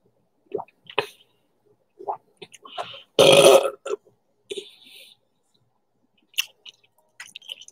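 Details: Burping during an ASMR late lunch of corn dogs and Doritos: crunching, chewing and smacking eating sounds, then one loud, drawn-out burp of about half a second.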